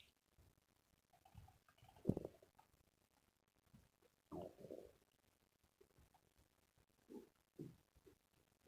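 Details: Quiet intermittent gurgles and short squeaky rumbles separated by near silence; ordinary stomach growling (borborygmi).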